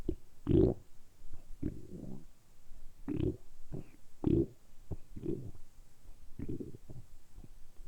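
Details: Deliberately produced stomach rumbling recorded close up for ASMR: low, irregular gurgling rumbles in bursts a few seconds apart; borborygmi.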